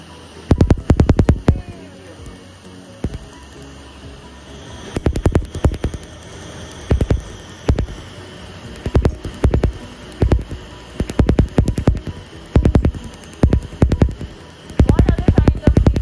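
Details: Laser tattoo removal on a unicorn tattoo on a woman's shoulder, with an air chiller hose blowing cold air to numb the skin; rapid trains of sharp snapping laser pops with background music.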